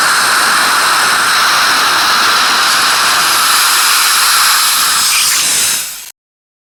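Steady loud hissing, airy suction noise that cuts off abruptly; a dental saliva ejector running.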